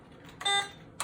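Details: Patient-controlled analgesia (PCA) pump during setup for starting PCA on a patient on mainline fluids: a single short, high electronic beep; normal alert tone.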